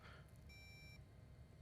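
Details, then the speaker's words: Single steady half-second electronic beep over room hum, intraoperative fluoroscopy shot during minimally invasive Lapidus bunion surgery checking burr position against medial cuneiform articular surface; fluoroscopy beep. "So get an x-ray shot to ensure that we're against the articular surface of the medial cuneiform."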